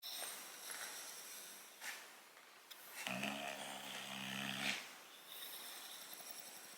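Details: English Bulldog snoring while awake and relaxing, not asleep: a loud, rattling, buzzing snore over one long breath, with quieter noisy breathing before and after, typical of a flat-faced dog.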